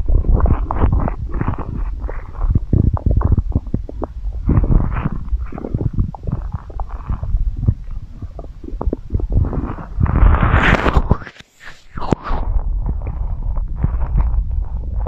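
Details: Continuous low gurgling and rumbling from the belly, rising and falling throughout: ordinary bowel sounds, stomach growling (borborygmi) recorded for ASMR.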